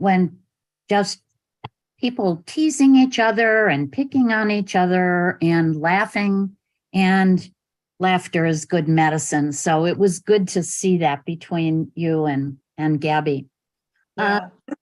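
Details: Adult woman speaking; normal speech.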